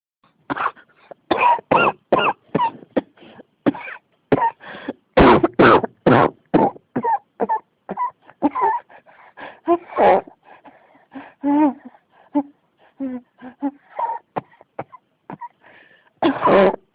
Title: 咳が止まらない 44 cough